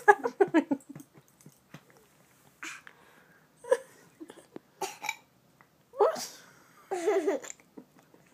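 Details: Hiccups: irregular short gulping bursts separated by quiet gaps.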